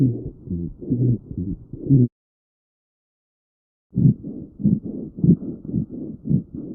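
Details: Low-pitched, rumbling, snoring-like breath sounds with a pause between two stretches of breathing, consistent with rhonchi on lung auscultation. Rhonchi.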